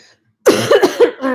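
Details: Adult woman about two weeks into COVID-19, treating symptoms with Mucinex and Tylenol: dry cough.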